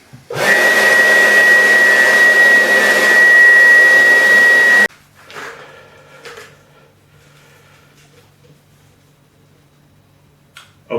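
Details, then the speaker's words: Battery-powered homemade emergency CPAP/ventilator blower running with a face mask that has exhalation holes: a loud steady blower whine with a high tone for about four seconds, then it stops. "we're running off this battery so it makes the unit portable with the breezy through breathing through the doors"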